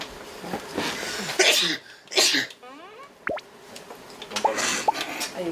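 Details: Two loud, hissing sneeze bursts from an adult amid chatter and edited sound effects; sneeze.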